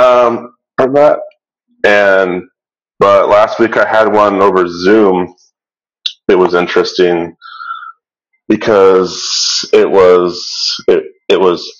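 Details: Real adult who stutters, speaking in a webinar for people who stutter; stuttering.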